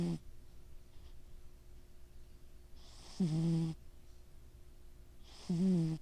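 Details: Cat snoring while asleep, sounding like a little pig: loud, voiced snores on each in-breath every two to three seconds, with quiet pauses between.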